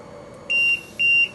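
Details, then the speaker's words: Two short, shrill high-pitched beeps in a quiet room from an LTV 1200 ventilator alarm flagging a disconnected pressure line; patient still receives breaths, circuit and ET tube intact. "Alright, so when the other one gets disconnected, any of the other two pressure lines, it's going to show this alarm on the screen."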